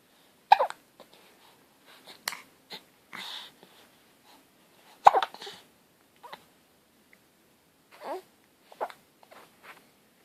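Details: Infant (baby boy) hiccups: two stronger sharp, brief catching sounds several seconds apart with softer breaths between.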